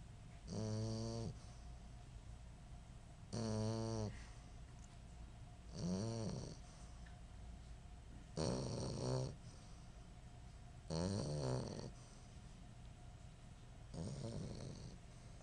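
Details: Fogey snoring while dreaming during sleep: rhythmic snoring with a soft whistling, whiny tone at about 6 to 7 breaths a minute, and quiet room hum between breaths.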